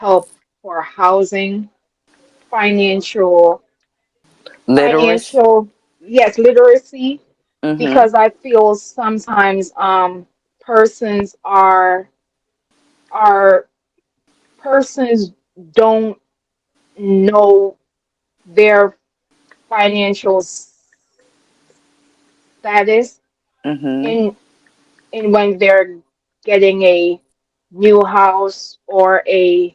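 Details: Adult woman with a self-reported, audible speech impediment she calls her "disability"; real, dysfluent speech: speech impediment.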